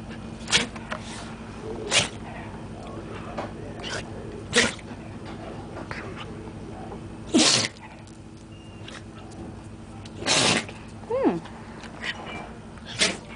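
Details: Dog sneezing, owner suggests allergies and says he is sick: about eight short, sharp sneezes over thirteen seconds against steady room noise.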